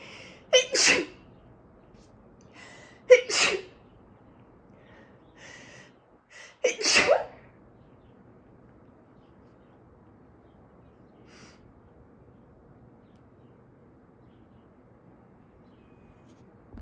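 Three forceful sneezes over about seven seconds, each with a brief indrawn breath before the burst, followed by quiet; an allergic sneezing fit.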